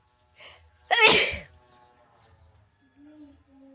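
A short intake of breath followed by one loud, explosive sneeze, then quiet with faint background tones; a single ordinary sneeze.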